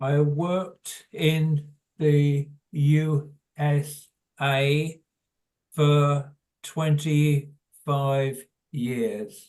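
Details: Adult man with primary progressive aphasia; hesitant speech; primary progressive aphasia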